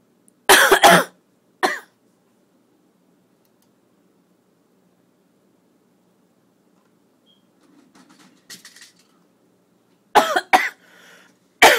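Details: Several sharp, dry cough bursts from an adult woman, in small clusters separated by quiet pauses; cough.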